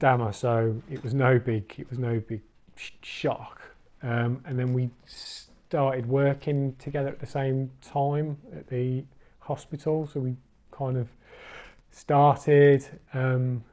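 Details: Adult man, a recovering stammerer who has completed the Starfish stammering course, speaking with stuttering (stammering).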